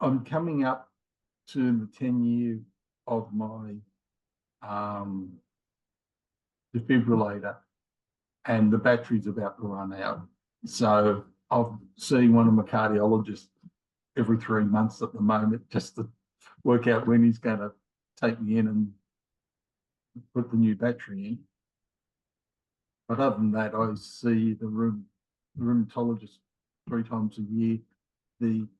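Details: Man in his late 50s with mild aphasia after a left-sided ischemic stroke in January 2020; he has trouble finding words and getting them started; he also had multiple heart attacks and has rheumatoid arthritis; aphasia (word-finding difficulty).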